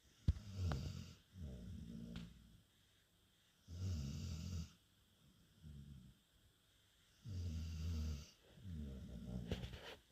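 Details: Dog named Oscar snoring while asleep: loud, low rattling snores on each breath in and out, about 17 a minute, separated by quiet pauses.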